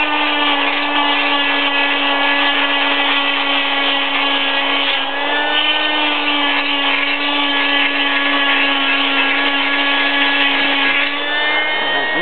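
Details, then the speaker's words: Cast saw's steady high-pitched whine cutting along the side of a plaster arm cast, removed 6 weeks after a right wrist fracture from snowboarding. "what I'm going to do is I'm going to cut some more on the on the side here"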